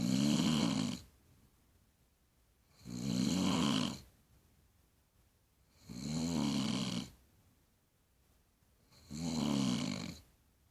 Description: I WENT INTO MY MOMS ROOM BECAUSE I WOKE UP AND HEARD SOMEOME SNORING , I THOUGHT IT WAS MY DAD BUT NOPE! IT WAS MY MOM!